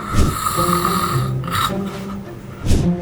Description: 打呼吵到自己或枕边人 #失眠快崩溃？